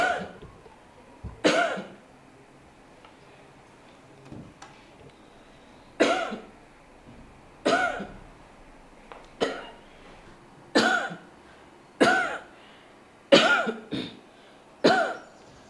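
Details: Adult woman asked for 10 coughs gives about ten sharp, fairly dry voluntary coughs into a microphone plugged into a laptop, for an AI app tested at the Kenya Medical Research Institute to detect tuberculosis.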